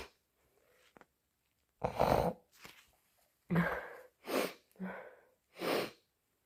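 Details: Induced repeated sneezing: several loud, harsh, wet sneeze bursts with sniffles between them in a small room.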